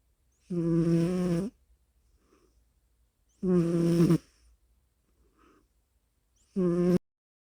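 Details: Breathing and snoring: three loud, buzzy, tonal snores, each about a second long, recurring roughly 21 times a minute with quiet pauses between; snoring.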